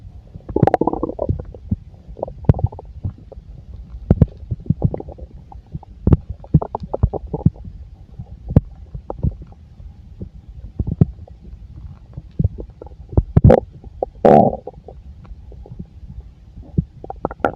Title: the sound of a full stomach part 2